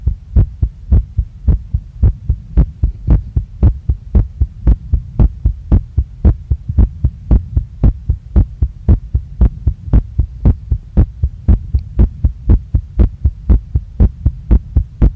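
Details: Adult female's heart recorded right after a workout, pounding and not calming down, felt in chest, neck, face and stomach; strong, regular beats at about 115 per minute over a low hum: rapid heartbeat after exercise (sinus tachycardia).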